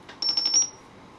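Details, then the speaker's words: Rapid high-pitched electronic beeps from a Babylog 8000 plus neonatal ventilator switched on at the rear power switch, running its power-on self-test (under 30 seconds); a normal start-up sound, not a patient alarm. "the switch on and off is from the back of the ventilator as you see right now in the picture it will take less than 30 second for self test"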